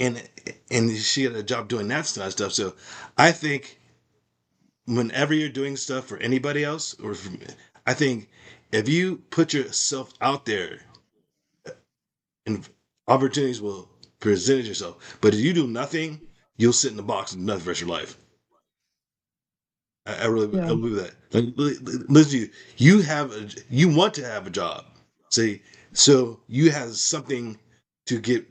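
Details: Adult male with aphasia after a stroke, doing ongoing speech practice as part of stroke recovery.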